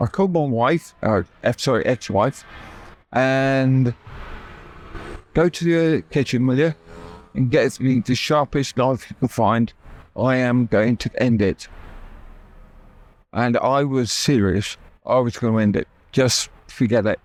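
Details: Adult man with persistent aphasia after a near-fatal stroke that paralysed his right side; he had to relearn speech, left hospital able to say only three words, and still knows what he wants to say but words come out differently.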